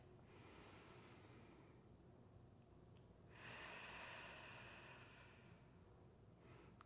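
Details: Deep breathing.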